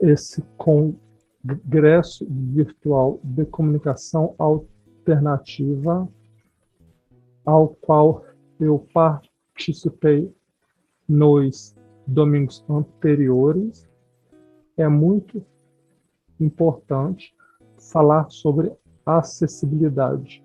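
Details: Adult speaker; no disorder.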